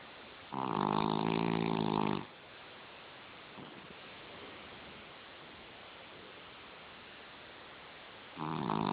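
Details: Snoring in a sleeping puppy: loud, rough, rumbling snores on breathing in, with quiet pauses between breaths.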